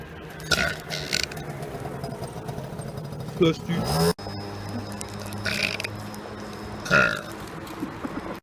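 Several loud, drawn-out voiced belches over background chatter and faint music; burping (eructation), swallowed air expelled from the stomach.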